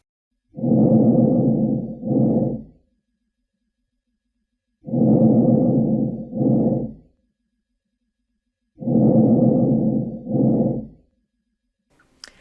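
Soft, low rustling breaths, longer on inspiration than expiration: normal vesicular breath sounds, about 15 breaths per minute.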